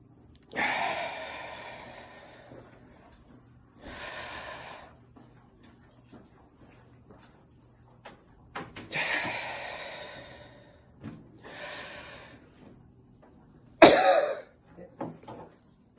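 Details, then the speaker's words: Deliberate airway-clearance technique for chest infection: slow deep breaths in and out with breath-hold, then one sharp forceful voluntary cough at the end of the cycle to open the lower airways. "on each cycle you will do a big cough to open up the lower Airways and cough up anything okay so I'm going to do that now just like that"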